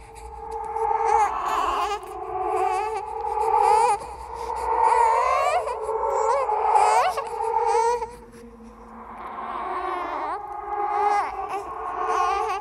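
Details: Simulated ghost baby crying from a horror sound-effect compilation: wavering, high-pitched crying bursts with an eerie, processed quality; infant cry.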